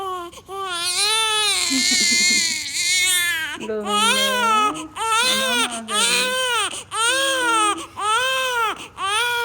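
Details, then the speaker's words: Loud, high-pitched rising and falling wails with short breaths between them from several newborns crying in a Japanese maternity hospital, where nurses care for and feed the babies. "Ang sarap pigan ng mga iyak ng mga batang sanggol at biglang tahan yan pagpasok ng kwarto namin"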